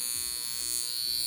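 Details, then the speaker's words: Steady high-pitched zapping buzz like a bug zapper from a portable high-frequency skincare wand on its top setting, used on the face, forehead and hairline; described as not particularly painful. "feels like a zapping as it sounds like a bug zapper it feels like a bug zapper it doesn't particularly hurt"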